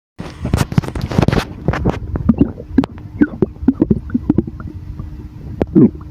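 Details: Loud, continuous gurgling and bubbling rumbles with rapid pops and squeaks of moving gas and fluid after drinking Sour; stomach rumbling from air in the stomach.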